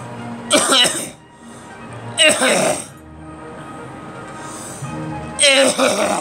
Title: Me coughing